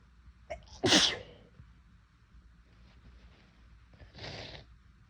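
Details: Deliberately induced sneezing on a day of unusually sensitive, itchy nose: a short catch of breath, then one loud sneeze and a softer second sneeze a few seconds later.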